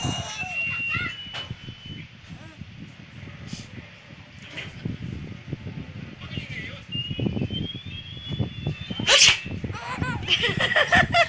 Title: sneeze! Sneeze!